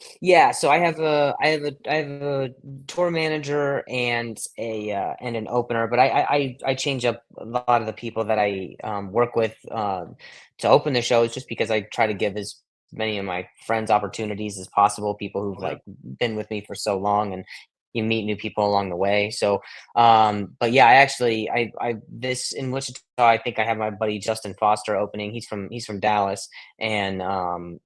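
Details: Adult male comedian with acquired stuttering since age 20, after a softball hit him in the throat (vocal contusion and traumatic brain injury); blips, stutters and blocks.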